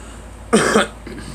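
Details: A single harsh cough burst from a girl over low vehicle noise, after being told to take a hit; coughing.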